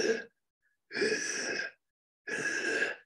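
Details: Two harsh, high-pitched, whistling breath noises, each under a second, imitating stridor (noisy breathing from a narrowed upper airway) during a paediatric emergency medicine teaching talk.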